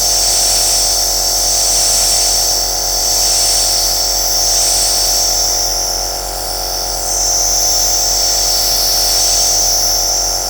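A loud steady hissing machine hum with a faint rapid pulsing; a nebulizer running continuously.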